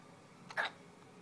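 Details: A single short, sharp gulping catch in a quiet room from a baby boy: infant hiccup.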